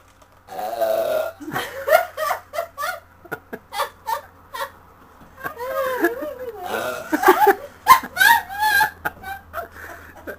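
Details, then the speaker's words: A string of about a dozen loud, deliberate belches from a woman burping on demand in a contest, with laughter and talk between; she says trapped air hurts. Voluntary burping. "Can't burp on demand, can you? But that's all that happens, is just... If I feel that'll be it. Diet Coke does it best, doesn't it?"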